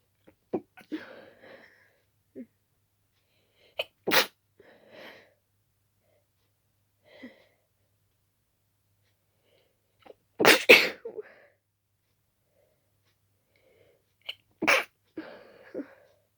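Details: Rapid repeated forceful, wet, stuffy sneezes, some stifled, with sniffing and short catch breaths between, from someone very allergic to dust with an intensely itchy nose; sneezing fit.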